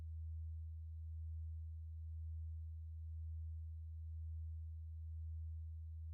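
Steady low pure tone with a gentle slow pulsing in loudness, used as a hearing test signal.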